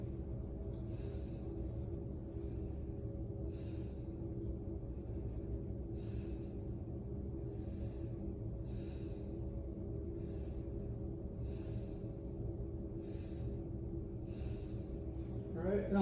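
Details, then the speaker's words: Posterior lung sounds auscultated by a nurse during a head-to-toe assessment of a patient born in 1991, taking about six deep breaths on request over low stethoscope rumble, no added sounds; lungs clear, normal breath sounds. "s are clear to auscultation everything is good there"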